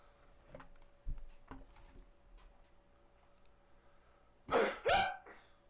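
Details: Man in his early twenties with tic disorder; involuntary, repeated vocal tic.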